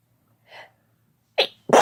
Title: Sneezing with no talking (F+M)